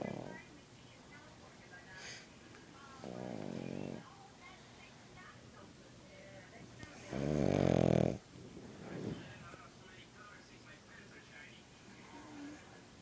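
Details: Loud, rattling snorts on slow breaths with quieter wheezy breathing between from a pug, typical snoring of a flat-faced dog.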